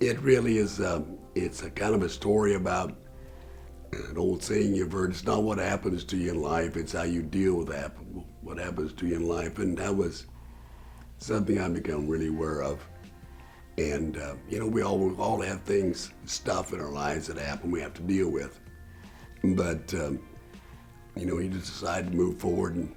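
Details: Tracheoesophageal speech through a voice prosthesis after total laryngectomy for throat cancer in November 2009; the prosthesis was placed about 4–5 months after surgery.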